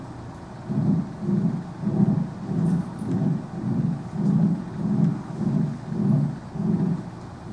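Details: Subaortic stenosis ejection murmur: an ejection-type murmur heard with the lub-dub, with the patient breathing audibly in the background.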